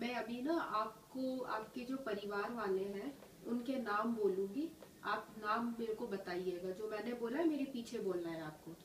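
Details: Adult woman, speech therapist; Normal adult speech (therapist instructions).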